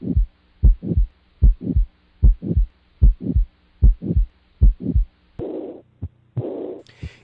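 Regular heartbeat about 75 a minute; each sharp first sound runs into a harsh systolic murmur that fades before the second sound: aortic stenosis murmur. Brief noise follows.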